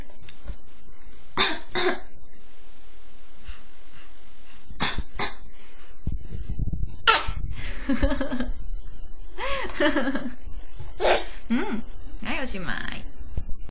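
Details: Voluntary imitated cough: an infant makes short, forced cough-like bursts, copying a parent's cough rather than coughing from illness.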